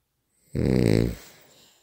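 A single loud, low, fluttering snore on an in-breath, then a soft outflow of air.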